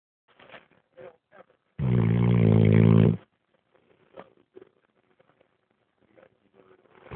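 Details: Sleeping dog: one loud, low, rattling snore lasting about a second and a half with soft snuffling breaths around it; ordinary snoring.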